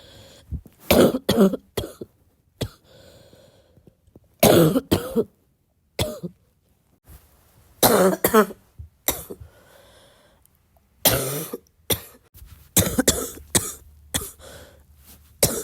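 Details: Repeated bouts of two or three coughs with a loose, rattling, mucus-laden quality; a cough described as getting wet, meaning a wet productive cough.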